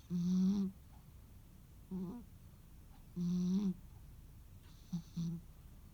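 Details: Sleeping rescue cat on a quiet holiday afternoon: short, tonal, buzzing snores about every one and a half seconds in a quiet room; snoring.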